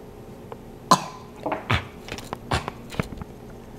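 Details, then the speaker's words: Sick toddler with a fever around 99–100, sneezing, runny nose and crankiness: a single short cough followed by softer throat sounds and quiet room noise; a mild cough. "she's sneezing and like boogers come out and she has like a cough and you know she's a little cranky but nothing like crazy crazy"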